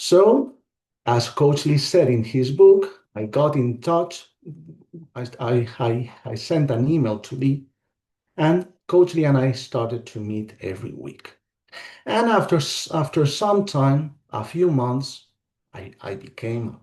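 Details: Adult man whose stuttering began around age five, formerly very severe with blocking on every word, improved after years of therapy and the StopStutter program but still disfluent; audible word and part-phrase repetitions; stuttering.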